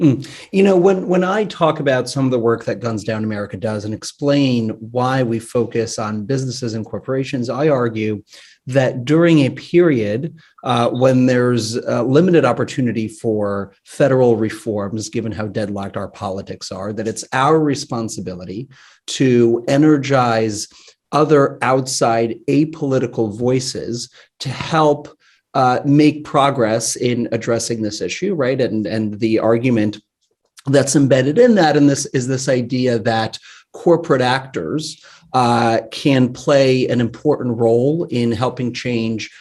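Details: Adult male speaker; normal speech.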